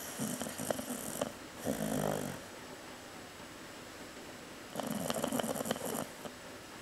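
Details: Chow chow (Cocoa) sleeping; light, rattly snoring in soft breath-linked bursts with quieter pauses, louder as footsteps approach and talking in background.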